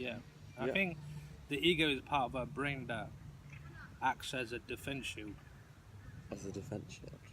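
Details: Adult who stutters, participating in a stuttering support group discussion; stuttering.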